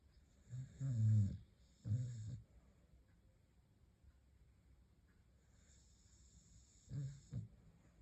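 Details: Sleeping Staffordshire Bull Terrier with low, rattling snores on each breath and quiet pauses between, over faint room hiss; light snoring, sometimes much louder.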